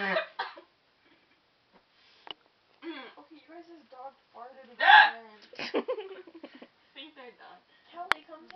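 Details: Loud, abrupt vocal hiccups break into speech and laughter, each a sudden squeaky gulp, likened to a rooster; hiccups.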